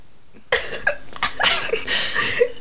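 Abrupt, sharp vocal bursts, several in quick succession, typical of hiccups, in a small room.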